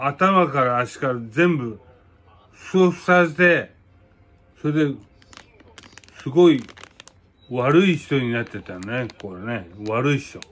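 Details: Speaker with hemiplegia after a cerebral hemorrhage (stroke); aphasia.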